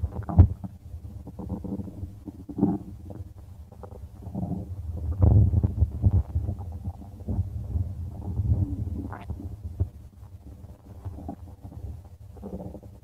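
Low, irregular gurgling and rumbling with deeper groans: stomach growling, ordinary bowel sounds from gas and fluid moving through the gut.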